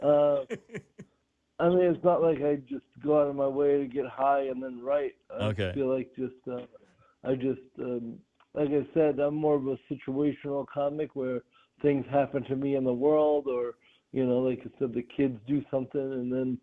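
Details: Dysarthria in an adult male comedian with cerebral palsy present since birth; real speech recorded during an interview.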